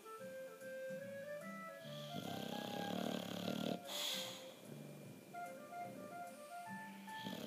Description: Old English Bulldog Moos is dreaming and snoring like crazy, but French Bulldog Vito is winning the snoring-competition